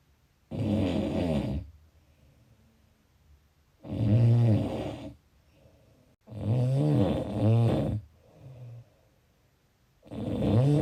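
Loud, low, rattling snores on each breath in, about four in ten seconds, with quieter breaths out between them.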